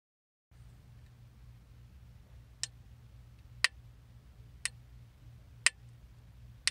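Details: Intravascular lithotripsy shockwave pulses: sharp regular clicks about one per second over a low hum as an IVL catheter fractures gypsum, a test material of similar density to in-situ calcium.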